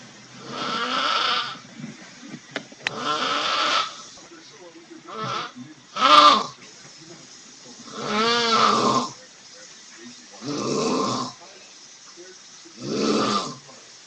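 Loud rattling snores in regular bursts, about 24 a minute, with quiet pauses between; snoring.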